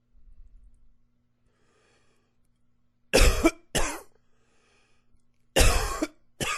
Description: coughing away. Please comment, subscribe and share. Hope you like it :)